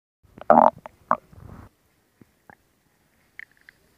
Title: Stomach Sound [Stomach Growling][ASMR] [2022-07-14]